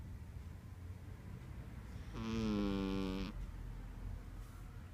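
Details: A sleeping female cat snoring.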